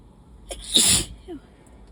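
A single forceful, wet-sounding sneeze with a sharp explosive burst after a brief inhaled build-up; allergic sneezing.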